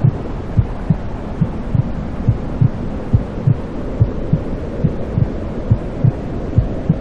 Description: While in the womb, a baby is constantly surrounded by the sound of their mother's heartbeat, as well as other sounds such as blood flow, breathing, and digestive noises. These sounds provide a comforting and familiar environment for the baby.